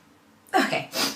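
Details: A brief harsh throat clearing in two quick bursts from a girl talking, amid repeated sneezing and "excuse me"; hashtags mention allergies and sinuses.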